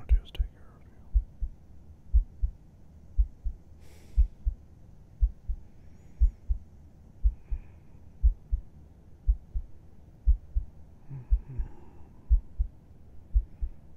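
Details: Adult's heartbeat heard with head resting on chest at bedtime, ASMR recording: steady soft low lub-dub at about 60 a minute, regular rhythm; calm resting normal heartbeat.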